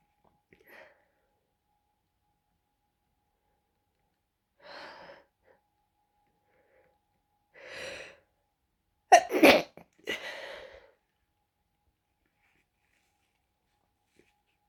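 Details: Person with a bad cold and congestion, deliberately suppressing sneezes because others are in the house: several soft, muffled, closed-mouth sneezes ending in a louder pair; stifled sneezes.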